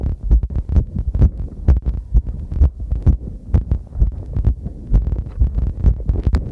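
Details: Own heartbeat recorded while cycling over challenging terrain: fast, deep thumping at about 130 a minute with rubbing, movement noise and clipping.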